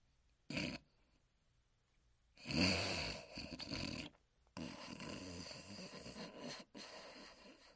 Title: Huckleberry Hound Sleeping & Snoring